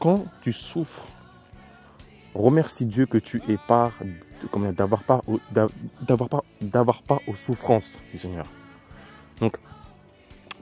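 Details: Adult man speaking French who describes his own stutter as terrible and audible in his voice; he attributes it to sorcery; stuttering.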